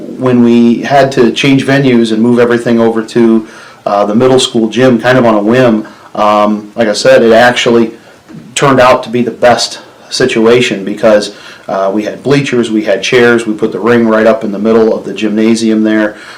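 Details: Adult man; normal speech.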